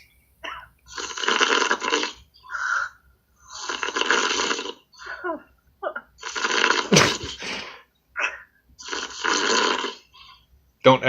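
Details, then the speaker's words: Adult man asleep with his phone on a Skype call: harsh, raspy snores repeating every few seconds with quieter noises between, sounding compressed over the call; snoring. "I know I snore sounds like sounds like a [ __ ] NASCAR [ __ ] race and he's winning"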